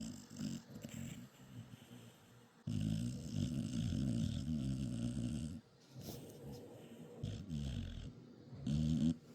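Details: Loud, rattling, fluttering snores with snorts between breaths from a sleeping Dachshund/Beagle mix dog, loud enough to keep the owner awake; snoring.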